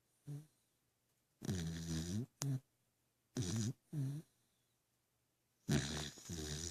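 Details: Dog snoring while dreaming: short, low, rumbling breath sounds in a quiet room, some with small whimpering squeaks as it murmurs in its sleep.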